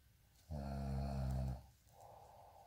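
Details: Snoring during sleep: a single low, buzzing snore lasting about a second, then a soft breath out.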